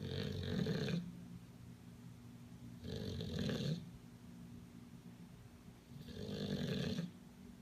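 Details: Sleeping bulldog, dozed off on a person, snoring: three rasping snores about every three seconds, roughly 20 breaths a minute, over a steady background hum.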